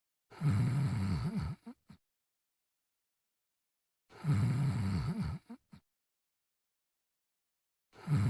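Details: Cartoon character's simulated snoring sound: loud, low, rattling snores about 16 a minute, each ending in short snorts, with silence between; snoring.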